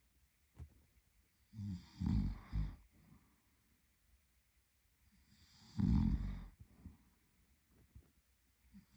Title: Snoring Boyfriend | My favorite Whitenoise